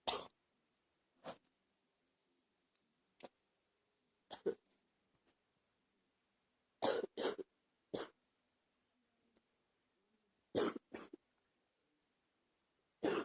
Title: # 77 Got a bad cold Gotta have a bad cough